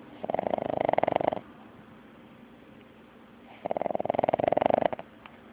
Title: Little Rascal...big snore